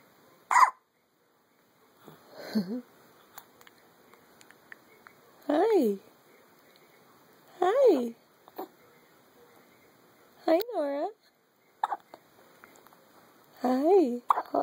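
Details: Morning hiccups in a baby girl who is smiling: short voiced hiccup sounds every two to three seconds, each a brief catch with a squeaky vocal note.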